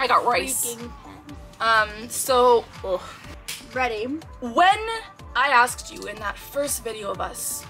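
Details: Adult woman with Tourette syndrome diagnosed at age 12, with both motor and vocal tics; interjected vocal tics in speech; vocal tics (Tourette syndrome).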